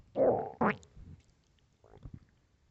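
A short loud gurgling growl and a rising squeak, then faint bubbling: stomach growling from an empty stomach.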